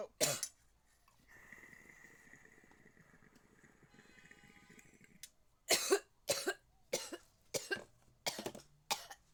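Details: One harsh cough, a long hissing, whistling inhalation, then six sharp, evenly spaced coughs: an irritant coughing bout after taking a very large dab.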